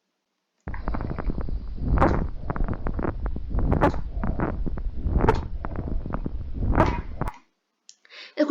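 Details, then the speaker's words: Brief, sharp squeaky bursts recurring over low rumbling breath noise on chest auscultation: squawks, also called short wheezes. "Ahora escuchemos como un dato extra al graznido o también llamado sibilancia corta o chillido."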